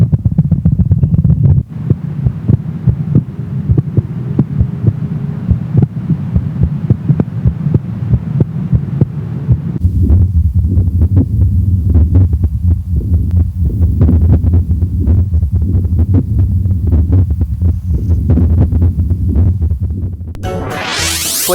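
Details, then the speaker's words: Heartbeats of various animal species: rapid, low thumping beats whose rhythm and pace change between segments. "เสียงจังหวะการเต้นของหัวใจของสัตว์แต่ละชนิดเนี่ยนะครับก็มีไม่เหมือนกันครับแต่ว่าสัตว์ชนิดไหนมีจังหวะการเต้นของหัวใจเป็นยังไงไปฟังกันครับมาฟังเสียงหัวใจเต้นของสัตว์ชนิดต่างๆกัน"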